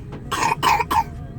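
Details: Young child with a cold and cough, on the way to a clinic for steam inhalation, asked to show a real cough: three short, moist-sounding coughs in quick succession.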